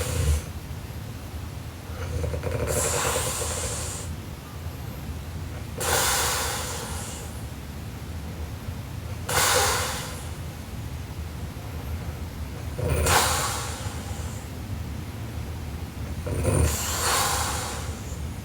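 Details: Sleeping Japanese girl snoring: slow, rough, loud snoring breaths about 17 a minute with a steady background hum.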